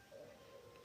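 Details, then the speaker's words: Adult's brief, low, wavering stomach growl under a second, which the speaker says sounded like a warning or avalanche; ate beforehand, is hungry, no stomach pain: hunger-related borborygmi. "my gosh, my stomach. Shh. Yeah, I need to eat after this. I ate before this. Um, that sounded like a like a warning. Like an avalanche. My stomach doesn't hurt though."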